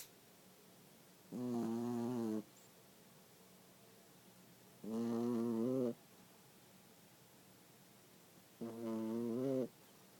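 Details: A new puppy asleep, snoring rhythmically: buzzing, tonal snores about 16 a minute, each lasting about a second, with quiet pauses between.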